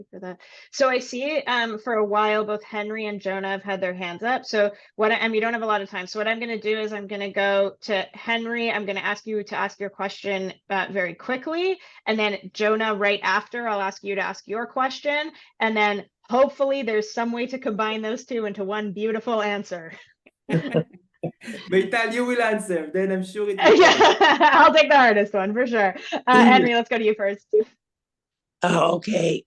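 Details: Adult woman speaking; normal voice.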